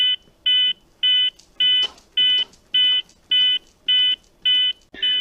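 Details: Zoll X Series defibrillator Real CPR Help in a training demonstration: steady high CPR metronome beeps at about 105 per minute guide the chest compression rate, with faint thumps of compressions.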